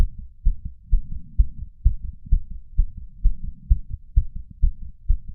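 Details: Racing heart of a 31-year-old male after exercise, recorded with a lapel mic and small ceramic bowl: rapid, regular, pounding thumps slowing from about 150 to 130 bpm, with breath sounds also heard.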